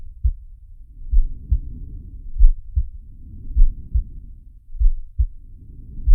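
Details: Animated cartoon shark character's heartbeat and breathing sound effect, not a real recording: paired low heart thumps at roughly 48 a minute, slow breath noise swelling between them.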